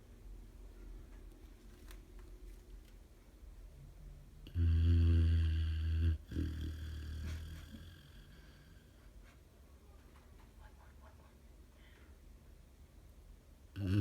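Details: Dog sleeping in a quiet room gives one loud, low, rattling snore of a few seconds with a shorter follow-on; typical dog snoring during sleep.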